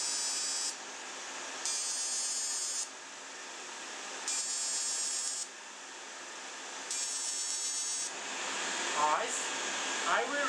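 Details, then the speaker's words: Ablative fractional CO2 laser (DeepFX handpiece) on a dark-skinned (type IV) patient with acne scars, at energy reduced to 15 mJ, treating chin, nose and near the eyes: repeated second-long high buzzing bursts over steady cooling-device hiss. "I use the hood on the presser because the hood is a uh be is not plastic. So one shot here immediately the second one and there's no risk to hit the eyes."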